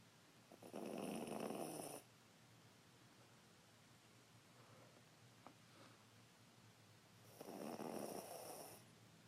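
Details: Poodle asleep nestled on a lap: two loud, buzzing snores about seven seconds apart, with quiet breathing between them; snoring.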